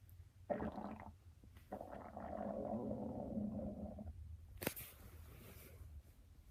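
Low, drawn-out gurgling rumbles with a brief rustle, typical of ordinary stomach growling from gas and fluid moving through the gut.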